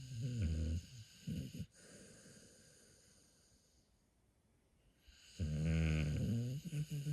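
Deep, rumbling snores from a sleeping dog, with a long quiet exhale between them.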